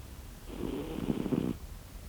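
One soft, low, rattling snore on a breath lasting about a second, over faint background hiss.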